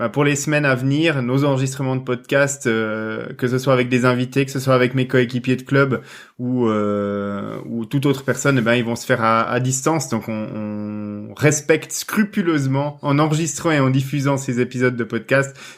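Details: Adult male speaker; normal voice.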